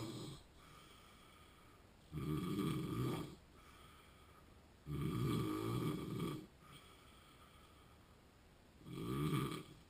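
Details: Sleeper with sleep apnea: three loud, rough snores in ten seconds, about 19 a minute, with quiet breathing between and a steady room hum; snoring during sleep.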